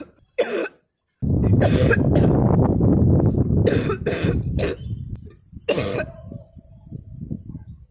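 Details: An adult woman, during sutra neti nasal cleansing with a rubber tube passed through the nose, gives several short, sharp coughs and sneezes with loud rumbling in between, likely nose blowing: cough.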